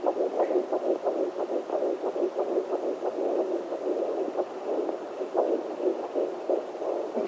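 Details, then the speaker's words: Home fetal Doppler, probe about 1–2 inches above the pubic bone in line with the navel: the mother's own pulse heard off the placenta as rhythmic whooshing near 90 a minute, with the faster fetal heartbeat faintly behind. "that's my heartbeat off the placenta and you can see the different heart rates and the difference and sounds there yeah that's the placenta again baby again"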